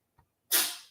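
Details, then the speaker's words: Sick cat having a sneezing fit in the background: a single sharp, hissing sneeze after a faint inward sniff, part of a run of sneezes; sneezing. "I got a sick kitty having a sneezing fit right now in case y'all were wondering what that noise in the background is it's my sweet little shootie"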